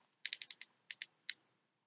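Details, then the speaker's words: Expired insulin pen kept for demonstration, dialled toward 65 units as part of a pump-failure backup plan (injection into the stomach): eight crisp quick clicks in short runs; insulin pen dose dial clicking. "but I would do um 65 units of my love Amir which I would just crank it up to oh"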